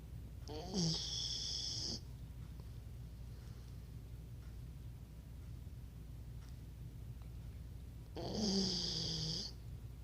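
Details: Labrador snoring like an old man: two rasping, whistly snoring breaths about six seconds apart over a steady background hum.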